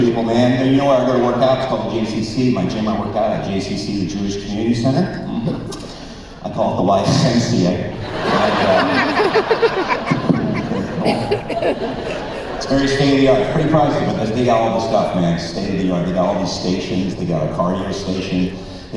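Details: Man, former record producer, with incurable spasmodic dysphonia developed at the height of his career, progressively worsening until voice was lost, unhelped by vocal coaches or doctors, still audible; spasmodic dysphonia.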